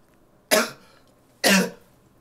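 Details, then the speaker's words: Two short, harsh cough bursts about a second apart from an adult man who says he is under the weather, losing his voice, with a dislocated hip; quiet room. "hello ladies and gentlemen boys and girls as you can hear I'm a little under the weather today but but that's not going to stop me"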